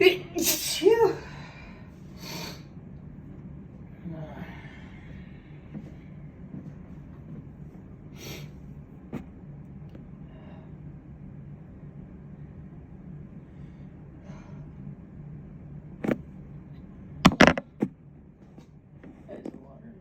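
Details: Morning sneezes that came on while putting away the dishes: a few sharp, sneeze-like bursts, one at the start and a cluster near the end, with quiet room noise between.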